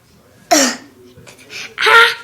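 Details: Person with hiccups, during a home brown-sugar-and-vinegar cure: a sharp throat-clearing burst, then softer noisy sounds and a second, louder harsh throat clearing.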